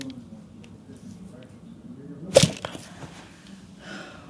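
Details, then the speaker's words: Chiropractic adjustment of the jaw (temporomandibular joint) in a patient with jaw, upper and lower back and elbow problems: head turned to the side, eyes closed, jaw open and loose. A single sharp crack is heard, less intense than the first side. "wow did that one click yeah oh was not as as this side not quite as crazy as the other side"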